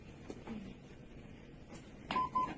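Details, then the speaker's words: Lifepak 20e defibrillator in AED mode: quiet room, then two short electronic beeps as the device analyses the patient and automatically selects energy if a shock is required: AED analysis alert tones. "so it will analyze the patient and it will select anything automatically if the patient required any shock delivery"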